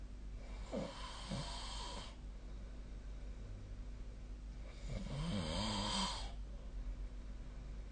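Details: Two loud, rattling snores a few seconds apart over steady room hum, recorded with the SnoreLab app: snoring during sleep.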